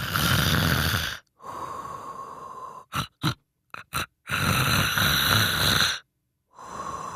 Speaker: there's a reason why sleep is sometimes referred to as sawing logs it's the loud sound of snoring that people make while doing it